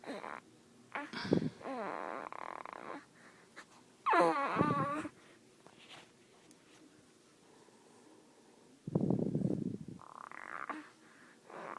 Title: snores some more